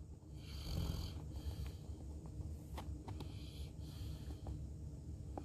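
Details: Snoring from Max, a St. Bernard dog napping on a couch: low, rumbling breathing with a rough, fluttering quality over several seconds.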